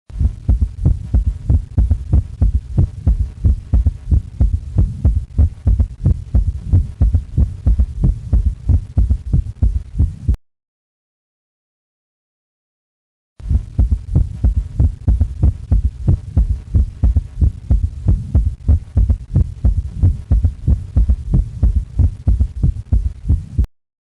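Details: Third heart sound: a regular heartbeat around 92 a minute with an added low early-diastolic thud, an S3 gallop.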